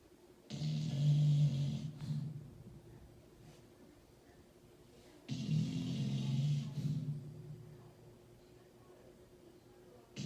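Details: Sleeping dog snoring loudly, described as sounding like a human: two loud, low, rumbling snores on inhalation, about 12 per minute, with quiet exhales between; snoring.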